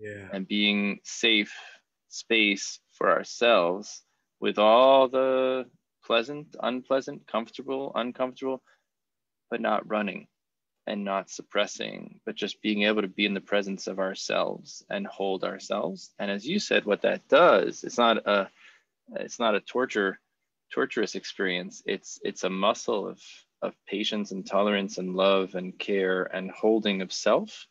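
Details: Adult man; normal speech.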